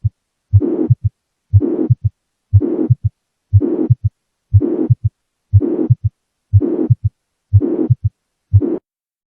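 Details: Heart murmur: regular heartbeat at about 60 a minute with a rushing murmur between the first and second heart sounds.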